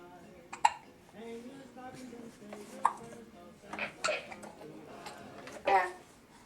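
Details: Two babies both hiccuping on Christmas Eve: four short, abrupt gulping hiccup sounds amid soft baby vocalizing and background voices.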